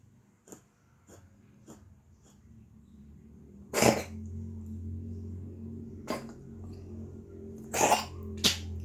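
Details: Cat coughing as if about to vomit: several sharp, harsh bursts of hacking cough with throaty, gagging, retching effort.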